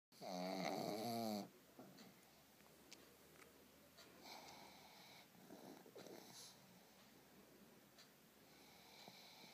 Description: Monster the pug snoring.